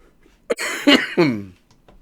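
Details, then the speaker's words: An adult with a lingering post-viral cough whose voice sounds altered gives two short, harsh cough bursts ending in a brief voiced groan. "people love the fire how you doing Spike Zonk man all well and swell over here little little cough then we'll go away I don't know if you can hear my voice but uh yeah"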